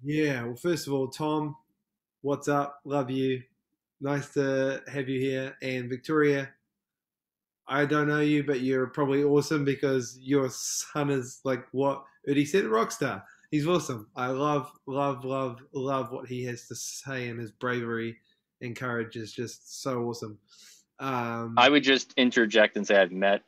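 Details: Stuttering in an adult male from New Zealand who describes himself as a proud person who stutters; podcast interview.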